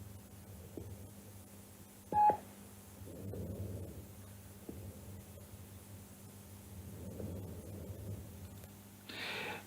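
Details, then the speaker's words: Normal vesicular breath sounds over lung fields: essentially inspiratory sound from alveolar sac distension, nothing expected in expiration. "Entonces, vamos a ver cómo se escucha un murmullo vesicular normal. Sí. Recuerden, distensión de sacos alveolares y es básicamente un sonido inspiratorio."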